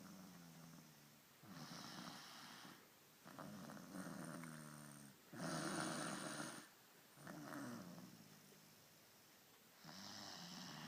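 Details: Sleeping dog snoring while someone plays with her nose to change the sound: steady, rhythmic, rough rattling breaths, about five in ten seconds.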